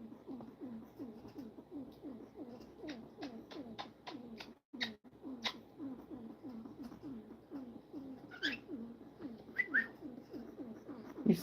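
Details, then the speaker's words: Guinea pig making rapid, rhythmic snuffly cooing noises, described as coming from the nose rather than the lungs: nasal upper-airway breathing noise. "So, she's making this. And that sound is not in her lungs. It's like in her nose."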